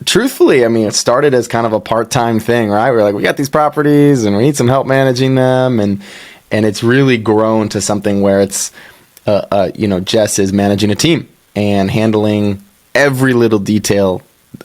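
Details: Adult man speaking; Normal conversational speech.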